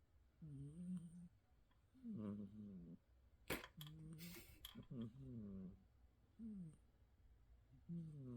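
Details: A sleeping cat snoring with repeated, irregular squeaky, whistling snores with each breath and brief rustling midway; cat snoring.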